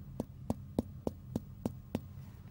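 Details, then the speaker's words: Abdominal examination demonstration: seven quick, even percussion taps over the abdomen regions, each giving a hollow, resonant note rather than dull. Resonant abdominal percussion note. "traditionally we percuss all nine areas leaving any tender ones until last and paying particular attention to any masses you may have felt I would expect all regions to be resonant like"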